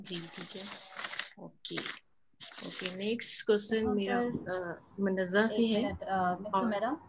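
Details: Adult female speaker; fluent speech.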